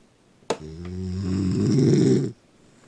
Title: Mom snoring bad